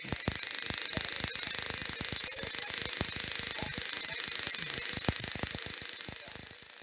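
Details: Waterlase iPlus dental laser at a root amputation setting during a laser apicectomy on an infected tooth, cutting the bone window and root: rapid, steady snapping pulses about 220 a minute with a hiss of water spray.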